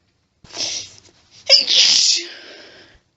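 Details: Female deliberately holding back sneezes with hitching and build-ups, nose still itchy, allergy-related: strained, partly stifled build-up then one full explosive sneeze with a trailing breathy release.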